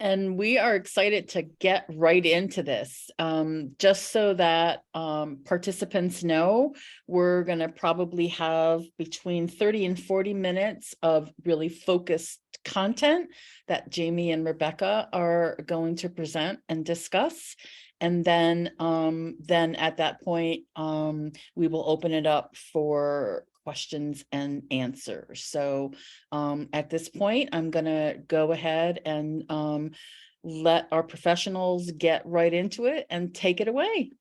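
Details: Adult woman speaking; ordinary fluent speech.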